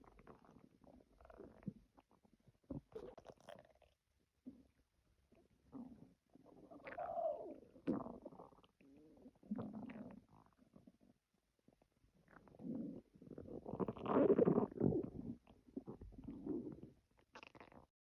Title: Stomach Growling